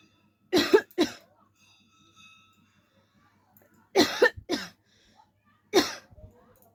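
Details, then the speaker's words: Short bursts of deliberate coughing, about eight coughs in pairs and triplets, performed on purpose as a coughing challenge with no illness; voluntary cough. "तो guys आज हम फिर से coughing challenge लेके आए हैं और कफिंग चैलेंज करने में मुझे बहुत मजा आता है"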